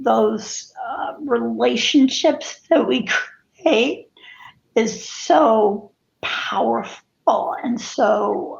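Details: Spasmodic dysphonia, with co-occurring cervical dystonia affecting head and neck position; adult woman.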